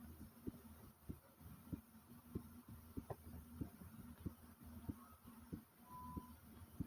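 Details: Short recording of the person's own heartbeat, described as pumping fast: regular thumps at about 95 beats a minute over a steady low hum.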